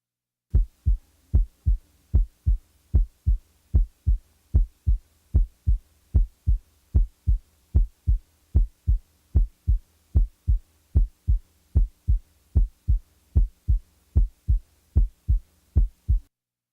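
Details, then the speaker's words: Simulated heart sounds from a mitral valve prolapse demonstration after the click and late systolic murmur are removed: clean, regular lub-dub pairs at about 75 beats a minute; normal heart sounds. "now the click is removed [Music] now the murmur is removed"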